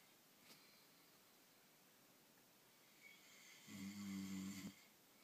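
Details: One low rumbling snore on a breath in, against quiet room noise; snoring.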